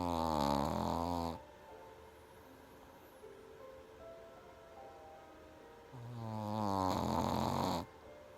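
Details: Pekingese dog snoring: two loud, buzzing, vibrating snores with quiet breathing between them.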